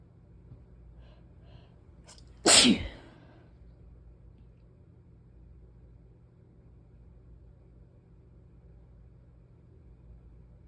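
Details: Single sharp sneeze with a brief intake of breath, then quiet; the person complains of repeated sneezes that won't stop and lots of gunk, wanting to sleep.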